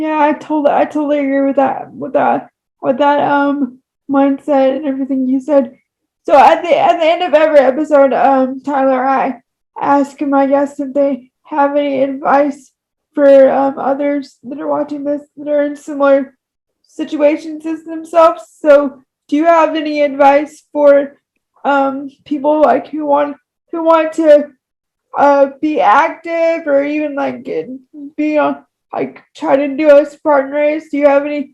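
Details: Woman with moderate to severe cerebral palsy affecting all four limbs and, by her account, her talking; frequent repetitions; dysarthria (cerebral palsy).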